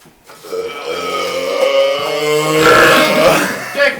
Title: burping contest